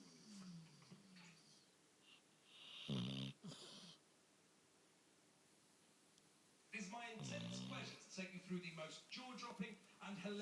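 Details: A sleeping pet dog gives a brief, rough snore, with television talk in the background.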